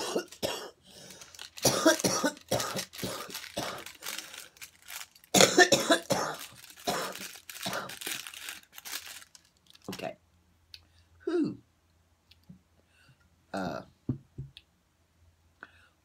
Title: good morning, let's try not editing and see if audio is ok, be forewarned there is coughing